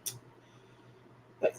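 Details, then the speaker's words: Vocal tics in an adult truck driver with Tourette's syndrome, worse when nervous: two brief, abrupt hiccup-like vocal sounds about a second and a half apart while getting ready to cook. "don't know if any of y'all picked up on it or not but i do have tourette's syndrome and that's usually where it sounds like i'm hiccuping and what have you"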